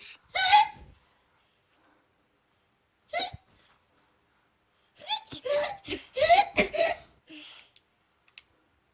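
Two sharp voiced hiccups a few seconds apart, then a burst of laughter.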